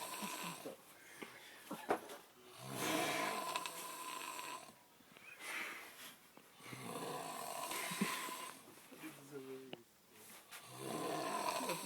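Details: Snoring from a person sleeping in a tent: loud, rough snores in repeated bursts about every five seconds, quiet gaps between, over faint room noise.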